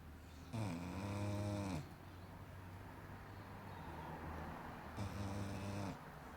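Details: Three-year-old female English Staffy snoring while asleep: two loud, buzzing, rattly snores about four seconds apart, with quiet breathing between.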